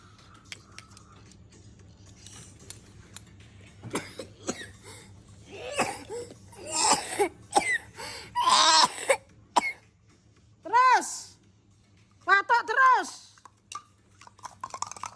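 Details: Repeated harsh coughing bouts with strained, voiced sounds between them from an adult acting a persistent cough, while complaining that medicines have not helped; quiet room hum.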